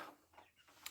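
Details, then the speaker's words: Young broiler chicken from a new batch, on deep litter in a shed, sneezing: a single tiny, sharp snick against a quiet room background. "Ну але хто дивиться ще з відео чуєте курка чхає Так це є також одним із болючих питань"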